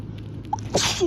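A brief intake of breath followed by one strong, explosive sneeze with a hissing burst of air.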